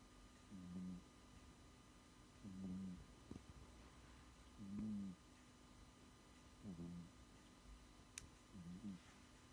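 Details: Sleeping cat snoring: soft, regular low snores about every two seconds in a quiet room; the faint click near the end is a finger cracking.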